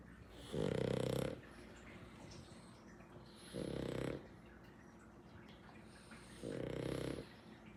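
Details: Pug, a small flat-faced dog, snoring: three loud, rasping snores roughly every three seconds, about 20 a minute, with quiet breathing between.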